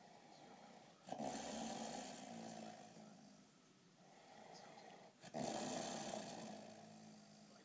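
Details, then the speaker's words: Sleeper giving two long, rumbling, rattling snores about four seconds apart, a breathing rate near 14 per minute: snoring. "The giant is sleeping. We must not awaken the giant."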